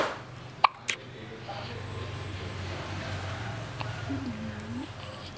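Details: Female (girl) having hiccups again: two sharp hiccup clicks in quick succession, then low room noise and faint background sounds.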